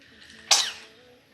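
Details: Baby sneezes in a TV drama scene.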